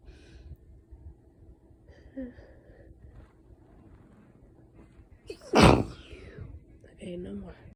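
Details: Quiet, breathy build-up sounds, then one sharp, explosive sneeze and a brief, soft voiced sound in a quiet room, from a person described as super snotty: sneeze.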